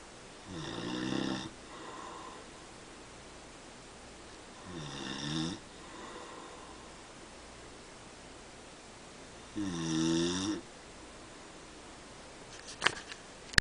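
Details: Three loud rattling snores on the in-breath, about every four to five seconds, with quieter out-breaths between, from a father asleep at night; snoring.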